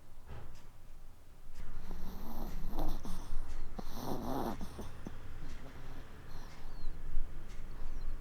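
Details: Sleeping Maltese puppy that snores and then hiccups: soft, rhythmic snuffling snores with some room noise in the background.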